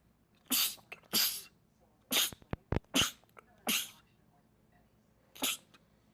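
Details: A run of five sharp, hissing sneezes close together, with small catches of breath between them; a man's rapid sneezing attack.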